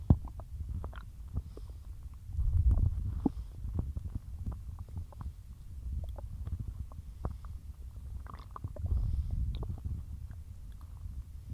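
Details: Stomach growling (borborygmi) in a bloated stomach after a massive lunch of cheese-loaded pasta and a large chug of milk: continuous low gurgling and rumbling with scattered sharp pops and louder surges.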